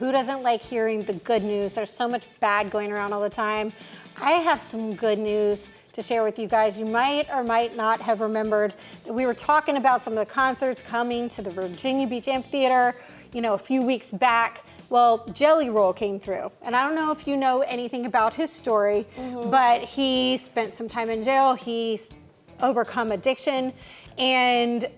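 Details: Adult woman speaking; normal speech.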